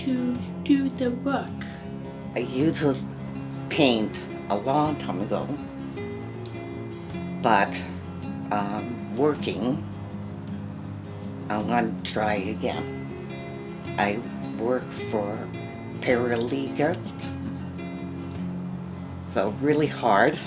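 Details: Woman with aphasia after a stroke, with word-finding trouble and garbled words; aphasia.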